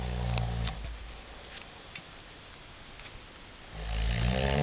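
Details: Low, rumbling, coarse rattling snore at start and end with a quieter stretch between; habitual loud snoring in an adult man during sleep.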